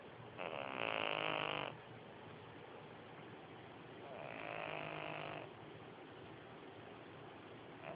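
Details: Sleeping cat: two slow, rattling snores with quiet pauses between; ordinary snoring.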